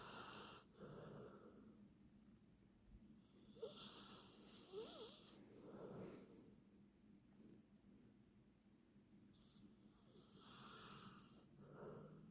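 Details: A sleeping puppy snores softly with raspy, slightly whistling breaths in an uneven rhythm; the recorder's candy chewing may be heard.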